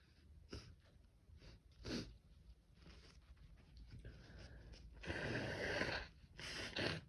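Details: A male's run of repeated harsh sneezes in quick succession, weak at first and then stronger and harsher, as they just kept coming; sneezing fit.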